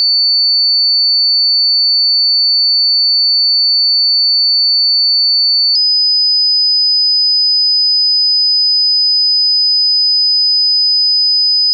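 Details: Pure-tone hearing test tones, the same kind used in audiology testing, played from low to high pitch at constant loudness, each for 8 seconds: two steady high-pitched tones, the second slightly higher.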